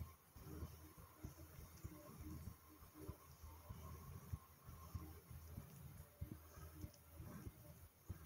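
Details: Self-recorded stomach rumbling from an adult's abdomen, recorded along with heartbeat and breathing: low, irregular gurgles and soft thumps; ordinary bowel sounds.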